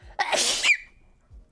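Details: A single sharp, forceful sneeze ending in a brief high squeak, then quiet, from a streamer's sneezing compilation recorded 2021–2025.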